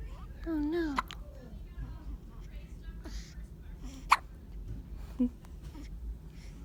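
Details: Newborn baby with hiccups: brief infant fussing, then two sudden sharp hiccups a second apart over a noisy background.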